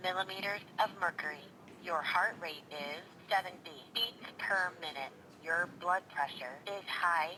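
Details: A SmartHeart Premium talking wrist blood pressure monitor, worn on a woman's wrist, finishes its 25–30 second measurement and announces a reading of 135 over 77.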